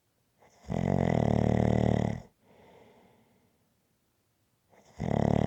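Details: Loud, buzzing, rhythmic snores on each in-breath, each followed by a soft breath out; typical snoring from an ASMR snoring-sounds recording.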